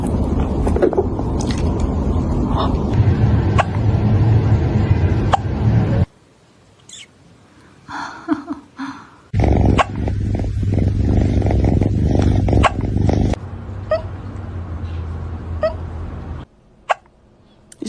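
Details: Cat hiccups after eating food too fast: brief, sharp hiccups at irregular intervals over a loud, steady low rumble.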